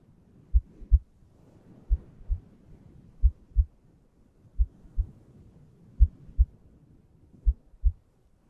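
Steady paired lub-dub thumps, about 80 beats a minute, quiet background; regular heartbeat.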